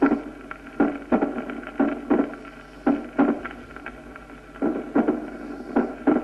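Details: Mitral stenosis (loud first sound, opening snap, mid-diastolic rumble, presystolic accentuation).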